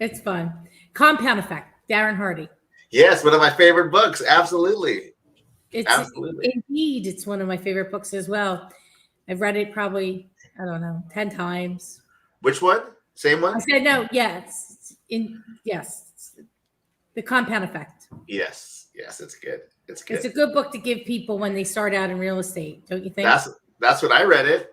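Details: Adults in conversation; typical speech.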